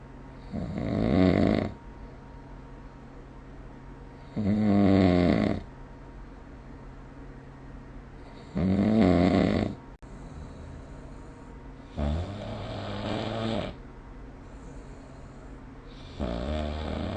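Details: Snoring recorded with the SnoreLab app: loud, rattling snores during inspiration, roughly 15 breaths a minute, with quiet pauses between them; some later snores are softer.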